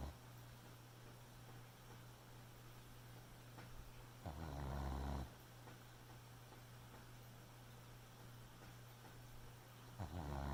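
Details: Soft low snoring from a sleeping Boxer puppy, with a louder snorting breath about every six seconds over a steady low hum: snoring.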